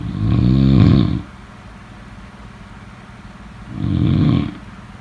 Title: #snoring #snoringsleepingsoundeffect #snoringsounds #sleepsounds